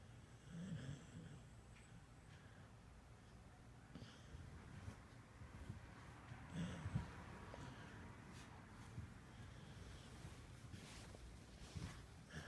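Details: Sleeping dog snoring: soft, low snorting snores rising every few seconds over quiet breathing noise.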